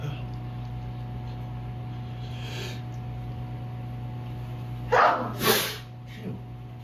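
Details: Person with ragweed allergy, medication wearing off, at sundown: two forceful sneezes in quick succession over a steady low hum; allergic sneezing.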